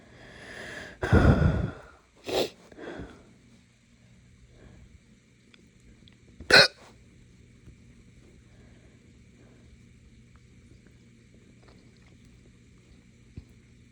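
A loud throaty belch followed by a few short abrupt hiccup-like gulps and one sharp catch, then quiet; hiccups mixed with burping.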